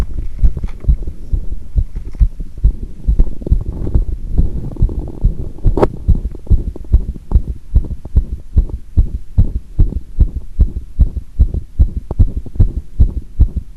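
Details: Heart sounds recorded with pressure on the chest after doing squats: fast, regular, low thumps at about 146 per minute, with one irregular beat that the recorder noted as an arrhythmia.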